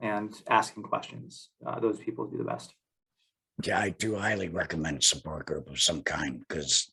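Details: Adult male who had a total laryngectomy in 2020, speaking without a larynx; alaryngeal speech after total laryngectomy.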